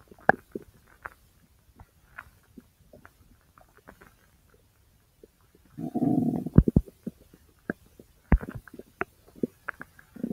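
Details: Scattered gurgles and clicks with a brief low rumbling burst, recorded from the abdomen over the large intestine; active bowel sounds (borborygmi).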